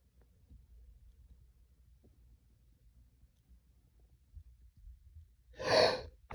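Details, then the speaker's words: A male snuffing chhikni (nasal snuff): several seconds of quiet, uneven breathing, then one loud, forceful sneeze; induced sneezing. "Oh, fuck. Oh, my eyes are watering. Oh. A bit. Steve! Oh, fuck, I'm gonna sneeze."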